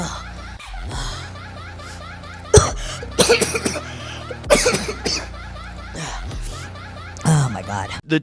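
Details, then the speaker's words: Tren cough, a coughing fit attributed to trenbolone use in bodybuilding: several harsh, explosive cough bursts in clusters over steady background music. "so you get like Trend cough I mentioned I'm going to show you how bad the trend cough actually is"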